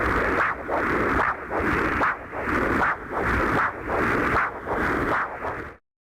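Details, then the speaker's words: Rhythmic whooshing pulses at about 76 a minute from the monitor when the 20 MHz ultrasonic Doppler probe of a Synovis GEM Flow Coupler is irrigated with sterile saline; the audible signal confirms the probe works. "verify probe function by connecting the probe to the monitor and irrigating the attached probe tip with sterile saline solution. An audible signal from the monitor verifies proper function of the device."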